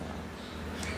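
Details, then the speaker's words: Angora cat purring contentedly on the owner's lap while being stroked: a steady low rumbling purr, a normal sign of pleasure and positive interaction. "Kenapa kucing mendengkur mendengkur atau puringnya namanya kucing mendengkur itu ketika dia ngerasa senang bahagia atau puas misalnya nih kayak lagi channel gini nih ini tuh dia lagi mendengkur karena dia kayak ngerasa seneng gitu ada di pangkuan aku sambil aku lulus-elus"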